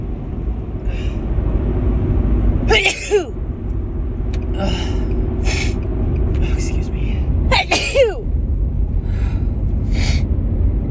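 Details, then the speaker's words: A woman sneezes twice, sharply, with quick intakes over a low rumbling background, during a run of repeated large sneezes; she thinks she might have a grass pollen allergy. "Oh, I think I have to sneeze again. Oh, God. Oh, excuse me, they're so big."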